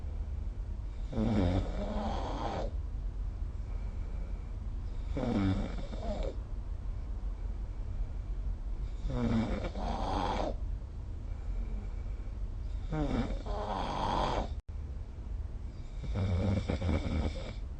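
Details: Five loud, rattling snores on the in-breath, roughly every four seconds (about 15 breaths a minute), during sleep, recorded with the SnoreLab app.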